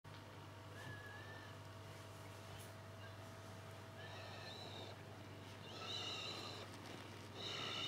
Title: Ziva snoring in our gaming beanbag